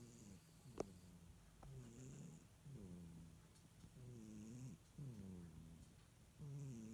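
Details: Cat napping and snoring: soft, low, rhythmic snores, about five breaths in seven seconds, with a faint nasal flutter on each breath.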